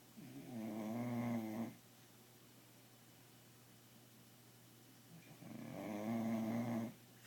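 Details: Bulldog puppy asleep at home at night, with two drawn-out, buzzing snores about five seconds apart and quiet breathing between, about 12 breaths per minute; snoring.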